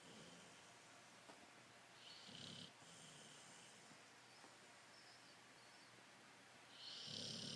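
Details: Boxer dog snoring while asleep: soft, rough snoring breaths with a snorting edge over low room noise.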